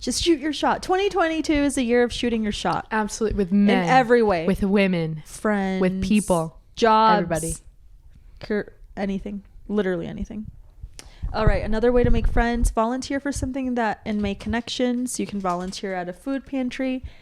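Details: Adult women talking; normal speech.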